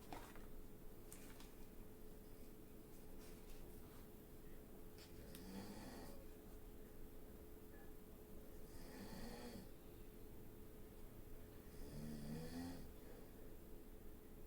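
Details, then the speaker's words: Snoring: faint, rhythmic snoring from a sleeping adult nearby, roughly every three seconds, over a low steady room hum. "i mean there's no way you guys can't hear the snoring sorry it's the world i live in"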